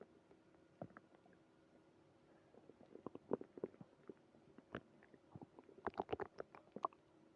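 Irregular bubbling gurgles and short squelching pops in clusters, louder toward the end over quiet background hum: stomach growling, or borborygmi.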